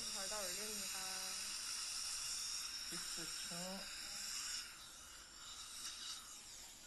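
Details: High hissing whine of a dental implant drill with water spray and a brief voice, preparing the site 27 (maxillary posterior) for a 4.0 mm fixture during immediate implant placement after extraction.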